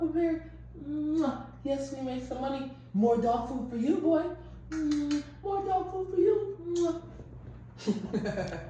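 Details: Adult woman speaking to a dog; normal speech.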